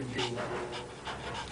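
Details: Shih Tzu dog during trick training: rapid, rhythmic open-mouth breaths with light background noise, consistent with panting.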